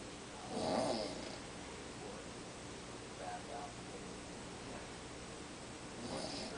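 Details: Two rattling snores about five seconds apart with a fainter breath between, over quiet room noise; a dad snoring while sleeping in a recliner chair at night.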